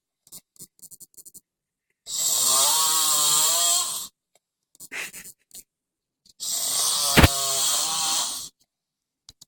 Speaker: My roommate snored. Hey, don't you know how to snore this quiet? It's like he choked himself.